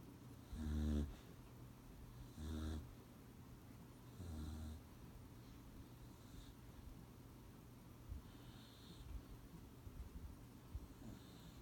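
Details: Sleeping beagle gives three loud, rumbling snores about two seconds apart, then quieter breathing against faint room noise: snoring.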